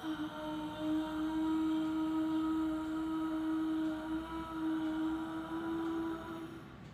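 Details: Dysphonia in a female patient before voice therapy, with a hoarse, breathy, high-pitched voice during a voice task.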